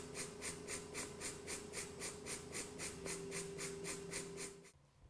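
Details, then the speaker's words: Bench test of MetaNeb airway clearance device on a simulated lung (ET tube, balloon holding 10 cc viscous mock sputum) for Covid-19 airway clearance: rhythmic hissing air pulses, about 4 per second, over a low hum, then stopping. "what we're going to look at is how well each device is able to migrate the sputum out of the balloon up through the tube so let's start first with the meta net"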